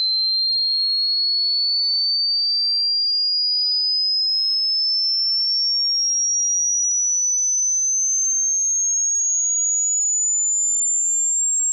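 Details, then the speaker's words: Pure steady tone gliding slowly upward in a hearing-test sweep from 20 Hz to 20,000 Hz, the range of a newborn ear; the upper limit shrinks with age, and listeners check how high they can hear. "Human जब पैदा होता है तो उसका जो brand new कान होता है वो 20 हर्ट्ज से लेकर 20,000 हर्ट्ज तक सुन सकता है।"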